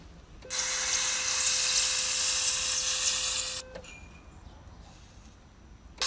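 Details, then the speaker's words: ERBE Erbotom ICC200 electrosurgical unit test after repair, monopolar cutting of meat outdoors: steady sizzling hiss with faint tone for about three seconds, then quiet. "навіть тупий цвях може різати м'ясо якщо подати достатньо високу напругу"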